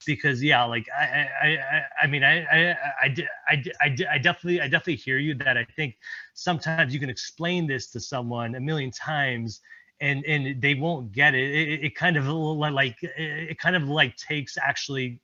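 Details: Male presenter who stutters, reporting blocks and repetitions, speaking at a stuttering-community event; this stretch has word and phrase repetitions; stuttering.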